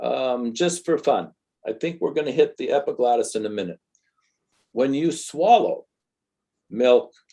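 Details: Adult speaker; typical speech.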